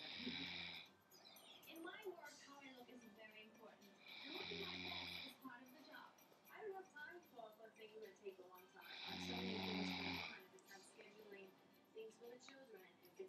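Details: Adult woman snoring while asleep in the early morning: three loud, rattling snores about 4 to 5 seconds apart, with quieter noise between them.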